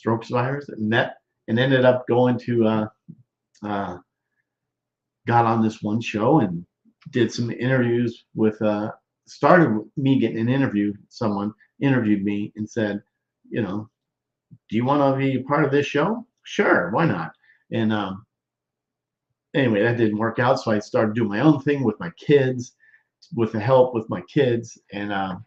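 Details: Male stroke survivor more than 13 years post-stroke with non-fluent aphasia, with word-finding difficulty, trouble with small function words and word substitutions; expressive (Broca's) aphasia.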